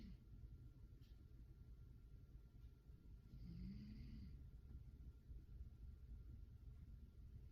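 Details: Snoring from a cat lying lazily.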